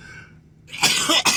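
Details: A brief, harsh cough or throat clear in two quick bursts after a moment of quiet, from an adult man diagnosed with severe obstructive sleep apnea by a sleep study.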